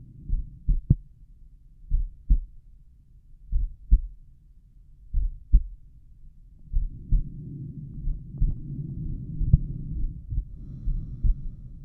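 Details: Slow, regular lub-dub heartbeat at roughly 55 a minute, recorded at the tricuspid area, with stomach rumbles in the second half; slow resting heart rate with normal heart sounds.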